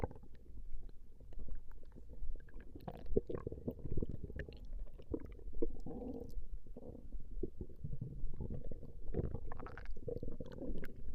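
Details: Female's stomach growling recorded over a 20-minute session: low, soft gurgling and rumbling coming and going irregularly from gas and fluid moving through the gut, borborygmi.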